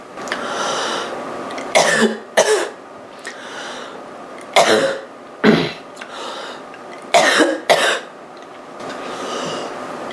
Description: girl is coughing quite roughly from a cold